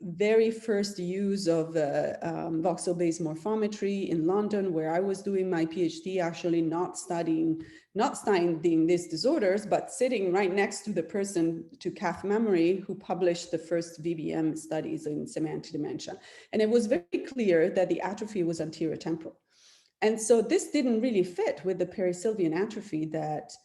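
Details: Adult woman speaking; normal speech.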